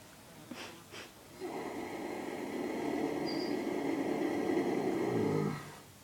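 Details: Horse snoring: two short sniffs, then a long, loud, rough, fluttering noise through the nose lasting several seconds; he snores like this every day, and this was the loudest for a while.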